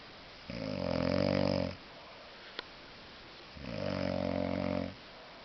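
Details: Very drunk man sleeping off a heavy drinking session: two long, loud, rattling inspiratory snores with a quiet pause between; heavy snoring in deep sleep.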